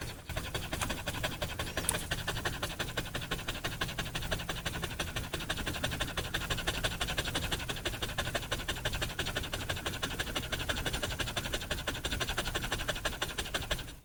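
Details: Dog panting sound effect: fast, continuous, hard panting at roughly 175 breaths per minute; the dog is breathing very fast and hard and having a hard time breathing.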